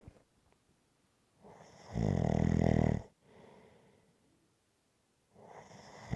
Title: Rhythmic Snoring Sounds ZZzzz